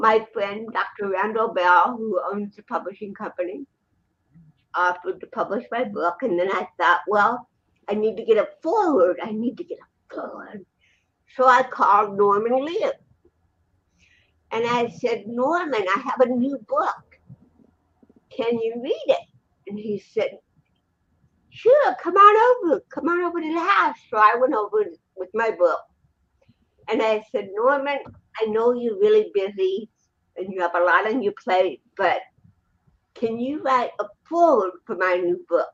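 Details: Dysarthria in an adult woman with congenital cerebral palsy, present from birth in 1956, who also has 75% hearing loss and wears hearing aids; finding: dysarthria (cerebral palsy).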